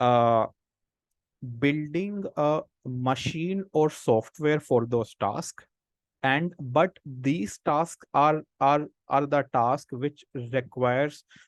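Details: Speech of an adult man who stammers, a senior volunteer of an association of people who stammer who have taken a self-help path; stuttering.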